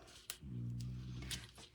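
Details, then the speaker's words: Two French bulldogs snoring loudly while asleep under the owner's feet; the low rumbling snores might be mistaken for stomach growling. "And if you hear that snoring, which might maybe sound like my stomach growling, it's my two French bulldogs that you saw a picture of this week underneath my feet snoring as loud as can"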